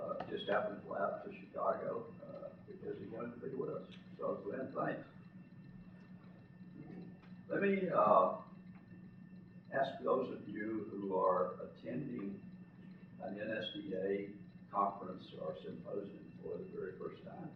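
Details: An adult man who lives with spasmodic dysphonia; spasmodic dysphonia.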